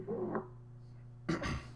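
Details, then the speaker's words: Wheezing heard through a stethoscope in asthma; musical, whistling wheezes across two breath phases, typical of narrowed airways. "this is wheezing i think with a with a bit of coughing this last sound clip is what wheezing would sound like under a stethoscope"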